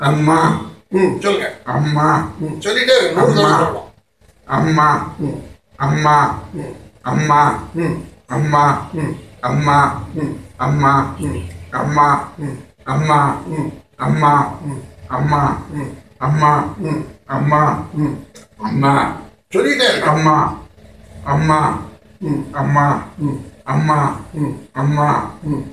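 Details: Male with puberphonia repeating 'amma' in a voice therapy session, slowly acquiring the male voice; puberphonia during voice therapy.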